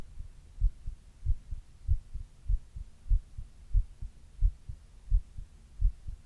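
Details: Steady, regular, low and muffled lub-dub heartbeat at about 92 beats a minute, recorded by the person on their own chest while reading, in a recording partly made during a 102 °F fever; normal heart sounds.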